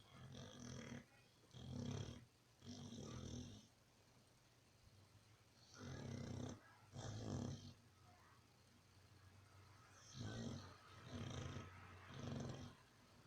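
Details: Sleeping pitbull: rough, low rumbling snores in paired and triple bursts with quiet pauses between, about 15 per minute; snoring.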